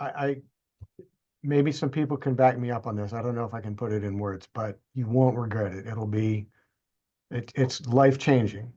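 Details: Adult man; typical speech.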